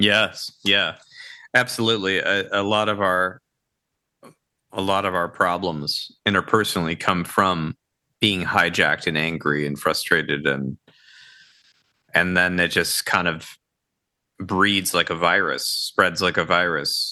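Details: Adult man with ALS affecting his vocal cords, making it difficult to talk for long periods; dysarthria (ALS).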